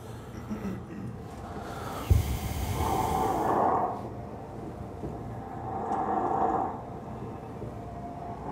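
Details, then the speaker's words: Loud snoring from a floppy pharynx, played during a sleep-medicine lecture; snoring. "So this is what you get when you have a floppy pharynx. This is what happens. This is just snoring."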